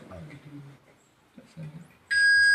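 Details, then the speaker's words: Defibrillator charged tone during a hands-on training demonstration: repeat-energy button pressed to give another 100 J after a prior 100 J shock, and the machine charges and signals ready. "ಈಗ 100 ಕೊಟ್ಟಿದ್ದೇವೆ ಇನ್ನೊಮ್ಮೆ 100 ಬೇಕು ರಿಪೀಟ್ಗೆ ಇದನ್ನ press ಮಾಡಿದ್ರೆ ನಿಮಗೆ ಇಲ್ಲಿ charge ಆಗುತ್ತೆ"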